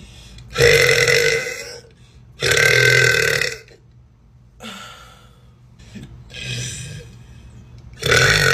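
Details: Tattooed young woman repeatedly belching: several long, loud, voiced deep burps with short gaps between them, in a small room.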